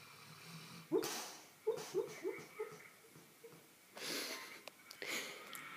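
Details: Sleeping chocolate Labrador that the owner says was having a bad dream: short muffled yips, whimpers and howling between snorting, noisy snoring breaths.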